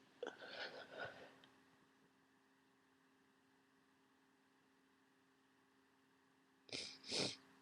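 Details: Sneezing on waking: two sneezes, each preceded by a sharp inhalation, about five seconds apart over a quiet room hum.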